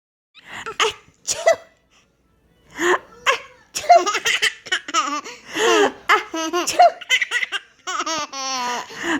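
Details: A baby giggling and laughing, interrupted by several short, sharp, airy bursts of small sneezes: infant sneezing.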